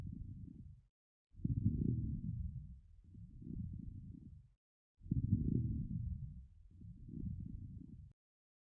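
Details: iPax auscultation simulator playback of a sample case: low, muffled gallop-rhythm heart sounds with coarse bubbling crackles over breaths; S3 gallop with coarse crackles.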